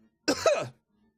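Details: Single short, harsh cough from an adult man, from a compilation of coughs.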